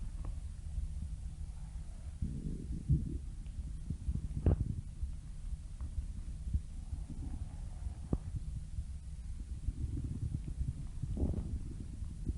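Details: Stomach growling: low rumbling and gurgling with a few short bubbling bursts over a quiet background, a normal digestive sound (borborygmi).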